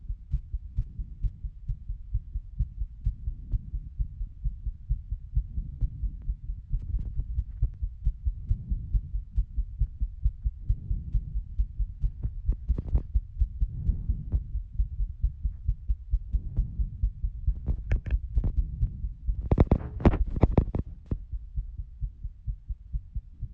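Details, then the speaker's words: Rapid heartbeat recorded with a phone on the middle of the chest right after jumping jacks and running around a room: fast, steady low thumping quickened by exercise. "I'm gonna do jumping jacks and run around my room, and then I'm gonna record my heartbeat. Okay, let's see my heart."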